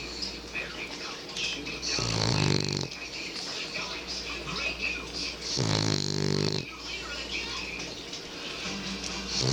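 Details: A French Bulldog snoring loudly in the dark: two loud rattling snores about 3.5 seconds apart over a noisy background with TV audio.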